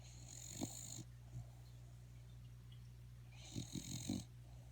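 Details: Buddy, a sleeping pet, snoring: two soft snores with snorty nasal sounds over a steady low hum.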